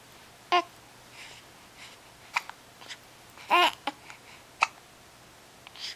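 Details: Hiccups in a 6-week-old: brief, abrupt voiced catches recur every second or so in a quiet room.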